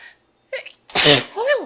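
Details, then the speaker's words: Person announcing "I'm gonna sneeze" just before it: a short in-breath and catch, then one loud explosive sneeze with a trailing voiced tail; afterward says it hurt. "I'm gonna sneeze."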